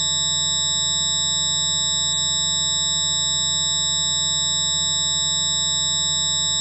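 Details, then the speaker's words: Simulated tinnitus, one sufferer's approximation of what they hear, likened to a jet engine revving in the left, right or both ears: steady, piercing high-pitched tones over a low hum, unchanging throughout. "it makes me a little testy at times I've approximated What I Hear into this video's soundtrack to give you an idea why tontis is a Relentless sound that only the sufferer can hear"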